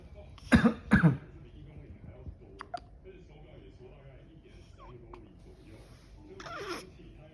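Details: Baby at 28 days old with persistent, endless hiccups: two sharp, abrupt catches close together, then a few fainter ones over soft room noise; infant hiccups.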